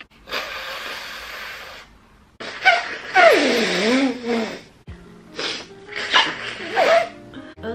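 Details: Female and male people with COVID-19: several sharp sneeze bursts with voiced catches and whimpering, with music underneath; sneezing in respiratory illness.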